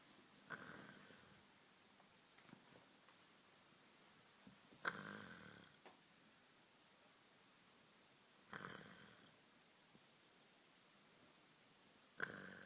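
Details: Loud snorting adult snoring recurring about every four seconds, roughly 16 a minute, in a quiet room.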